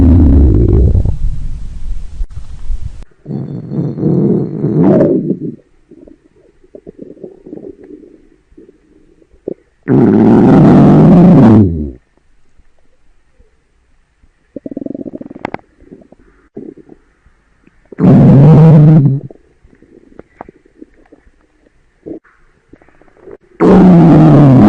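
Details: Loud, low gurgling stomach rumbles recur in bursts, separated by quieter bubbling; ordinary stomach growling (borborygmi).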